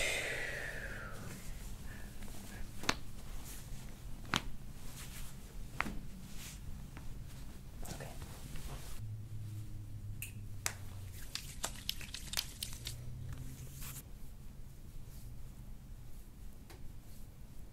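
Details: College student with right shoulder and neck pain from hunched studying, lying face down during chiropractic spinal manipulation on a deep breath in: joint cavitation, a cracking sound.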